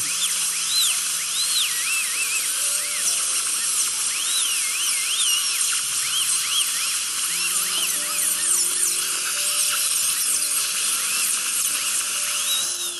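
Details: Dental drill sectioning an infected wisdom tooth during extraction: steady high whine rising and falling as it cuts, with soft background music.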